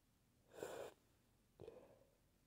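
Two short airy bursts, the first stronger, the second partly held back: sneezes, one half-stifled.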